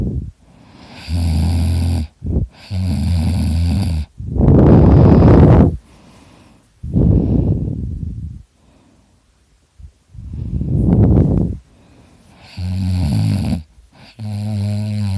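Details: Adult recorded while asleep, likening it to a chainsaw: loud, rough, rattling snores alternating with noisy breaths, some buzzing and vibrating; heavy snoring.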